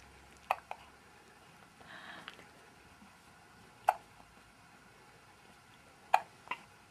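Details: Brief, sharp hiccups recur every few seconds in a quiet room, a few with a small follow-up sound; a repeat attack of hiccups.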